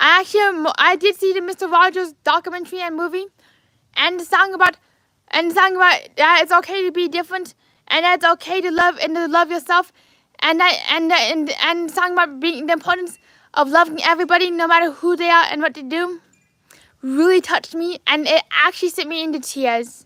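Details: Adult man with lifelong apraxia of speech, diagnosed at age four as childhood apraxia of speech.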